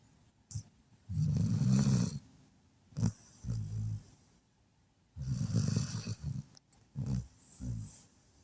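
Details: Low rumbling, fluttering snores on breathing in, with softer snorts between, from a sleeping Red Heeler dog in a quiet room: dog snoring.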